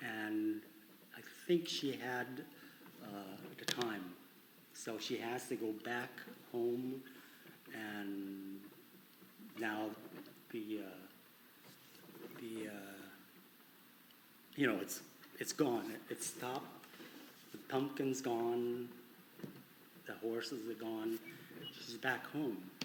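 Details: Adult man with conduction aphasia attributed to arcuate fasciculus damage, with good comprehension and impaired repetition; conduction aphasia.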